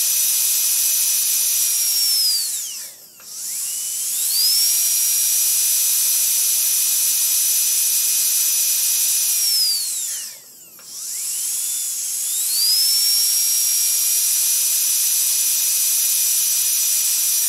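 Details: Dental drill sound effect: high-pitched steady whine, starting, running at various lengths, twice winding down and spinning back up, then stopping.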